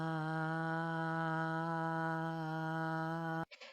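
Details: Sustained vowel at a follow-up laryngeal check with acoustic analysis, after injection and voice therapy for laryngeal (vocal fold) paralysis; some aspects still need work.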